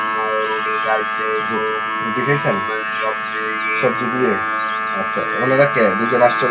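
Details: Electrolarynx speech by a total laryngectomy patient using a device held against the neck, producing a mechanical voice.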